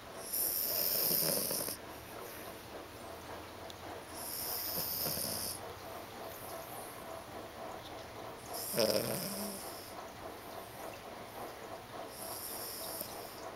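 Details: Snoring: repeated noisy, wheezy breaths about every four seconds with a snort partway through, over a steady background hiss.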